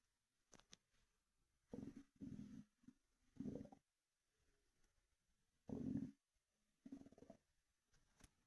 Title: Stomach rumbling and monster energy drink sloshing (headphones recommend)